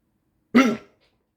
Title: 15 minutes with hiccups